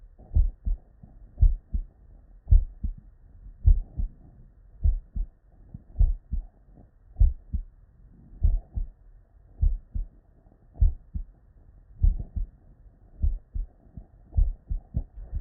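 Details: Real, unedited human heart sounds recorded at the bedside from a patient with normal cardiac physiology: steady paired low thumps at about 50 to 60 beats a minute, no added sounds; normal first and second heart sounds.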